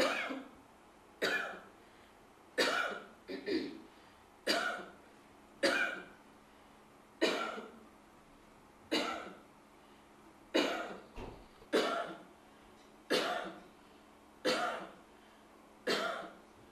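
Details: Voluntary cough recording made to test an AI phone app for tuberculosis cough detection at a Kenyan research institute: about a dozen forceful coughs at fairly even intervals, some with a brief second burst.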